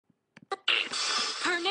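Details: 16-year-old girl with non-stop sneezing for over two years, up to 60 sneezes per minute: a few quick catching breaths, then one forceful, voiced sneeze; intractable sneezing.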